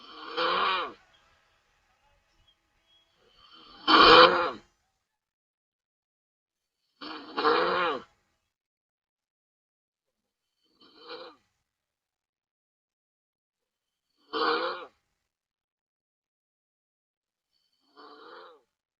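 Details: Taiwanese woman snoring loudly with her mouth open during a stream: loud, droning, voiced snores about 17 a minute with silent gaps between; open-mouth snoring.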